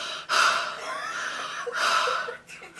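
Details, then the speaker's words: Adult man watching, whose wife notices he is breathing very loudly and suggests sitting up and nose spray: loud, snorting breaths through the nose, fitting nasal congestion; noisy breathing. "yeah but what if you well i'm just gonna tell them that my husband is freaking breathing really hard for some reason while he's watching"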